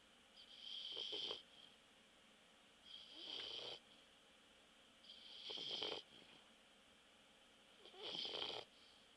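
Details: Bulldog asleep after a walk, snoring: four rhythmic, hissing, whistling snores on each breath in, about 25 a minute, with quiet pauses between.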